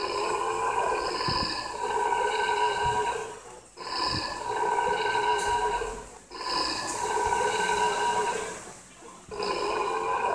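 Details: Reindeer and an alligator making big burps: three long, loud, droning belch-like calls with pauses between them; animal burping sounds.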